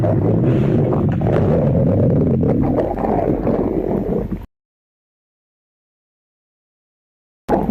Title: stomach growling compilation